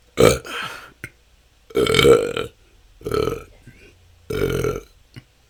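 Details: Four loud voiced belches in quick succession over five seconds with short gaps, recorded continuously; the person says this can go on for hours and has been a struggle for the last couple of years. Excessive belching.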